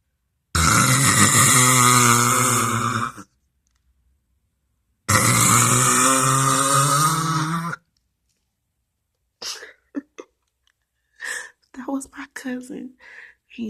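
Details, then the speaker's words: Woman recorded asleep at night, snoring: two long, loud, rough snores about four seconds apart, followed by quieter shuffling and rustling. "what's up YouTube I'm sneaking in my cousin room and I'm about to let y'all listen to her snore she be pissed at me"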